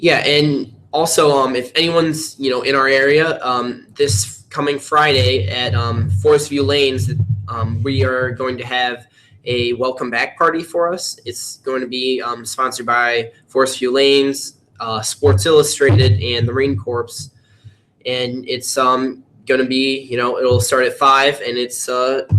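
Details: Young male speaker; typical speech.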